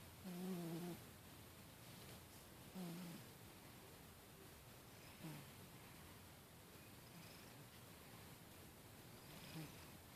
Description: My fast asleep cat snoring away!